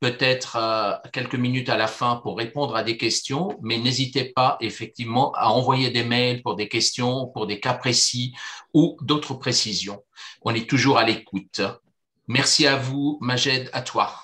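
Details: Adult male speaker; ordinary speech.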